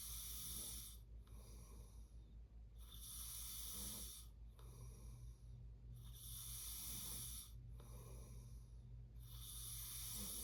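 Rhythmic rough, rattling breathing sounds repeating with each breath during sleep: snoring, against a steady low background hum.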